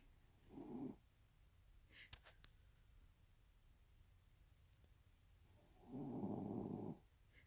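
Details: Snoring from a sleeping Bichon dog: two rough, rattling snores separated by quiet breathing in a still room.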